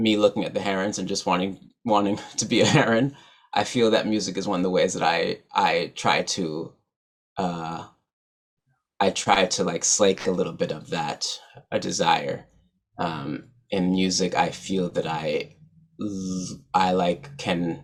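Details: Adult man who stutters, real, not acted; stuttering.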